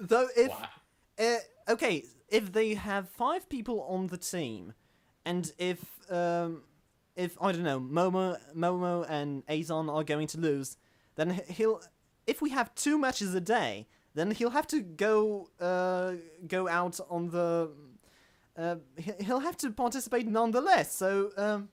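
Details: Man who self-identifies as a stammerer, in conversational speech; stuttering.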